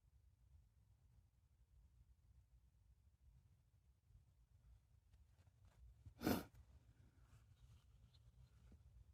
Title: A few chhinkni sneezes (F)